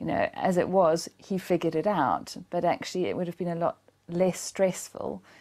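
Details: Adult woman speaking; normal speech.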